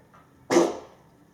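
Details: Single short, harsh, bark-like burst from a dog named Gilligan, recorded January 31, 2025; dog cough.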